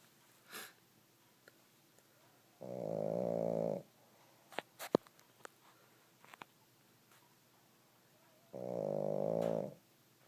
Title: Snoring pug